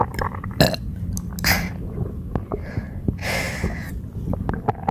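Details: Non-stop belching with bad bloating: low, rough belches against steady background noise.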